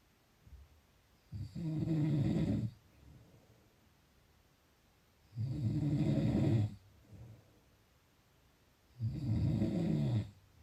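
Loud rattling snores on each breath in, about 16 a minute, with quiet pauses between; ordinary snoring.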